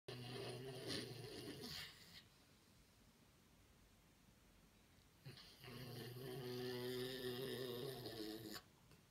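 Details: Labrador dog snoring loudly; owner thinks the dog needs a CPAP. Two long, loud rattling snores with a quiet pause as the dog breathes out, in a small room.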